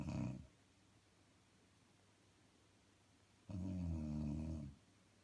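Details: Woman snoring during sleep: two low, throaty rumbling snores several seconds apart, the second lasting over a second, with quiet pauses between breaths.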